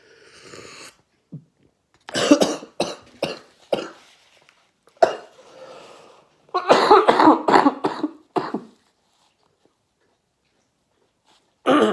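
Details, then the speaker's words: Adult eating Samyang stew cup noodles sucks broth into the back of the throat, then coughs harshly and repeatedly in clusters with brief pauses; coughing fit after inhaling food. "oh i freaking sucked that right back into my throat there oh man cool cool that was a good try of the sauce"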